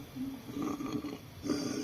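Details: Lung cancer patient with a hard, painful, enlarging right-sided neck lymph node swelling for months, biopsied, radiation advised: central airway obstruction causing stridor, a harsh, high-pitched, musical breath noise over two breaths.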